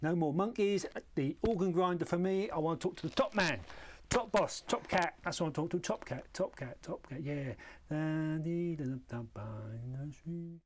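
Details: Man (played by an actor) referred by his GP, presenting with mania with flight of ideas, disinhibition, punning, grandiose delusions and second-person auditory hallucinations; rhymes and links words by sound: pressure of speech with clang associations.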